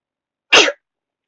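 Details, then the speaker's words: Sneeze self-induced by wiggling twisted tissue in the nose: one sharp, explosive sneeze of about a quarter second, set against silence. "See, it works. It's easier than pepper. Well, for me at least. Sometimes it makes your nose bleed a little bit."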